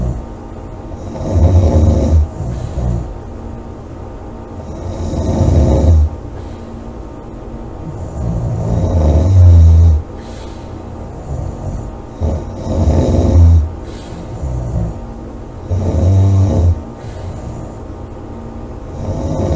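Loud, low rattling snores on each breath in, roughly 16 a minute, over steady background noise; heavy snoring during sleep.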